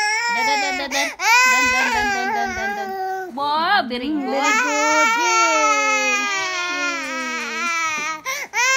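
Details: Infant crying: loud, high-pitched wailing in long bursts with brief breaths between, recorded in a small room; an ordinary baby cry.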